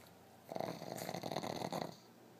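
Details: Peggy, a dog, snoring with her eyes open: one rough, fluttering snore lasting about a second and a half in a quiet room.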